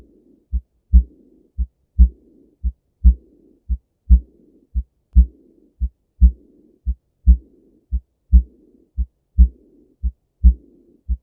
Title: Aortic Regurgitation Heart Sound | Heart Murmur | Christina NP